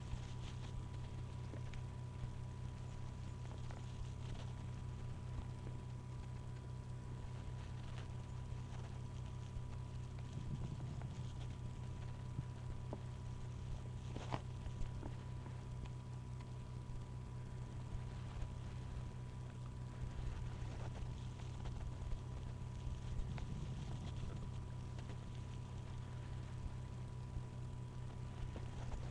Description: what apple juice sounds like in my belly lol